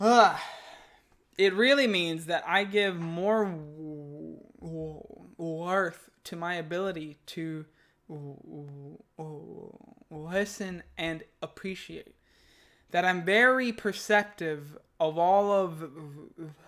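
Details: Adult man who stutters, reading his own text aloud, which he finds harder than speaking freely; stuttering.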